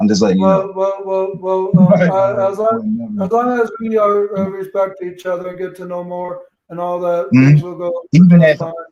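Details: Stuttering in a 32-year-old speaker who reports lifelong autism, ADHD, bipolar mood disorder and seizure disorders.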